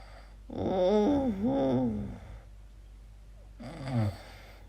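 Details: Person recording their own sleep, unsure whether it is snoring or sleep apnea: loud, tonal, rattling breaths with very strange voiced sounds and a pause before the next noisy breath; snoring.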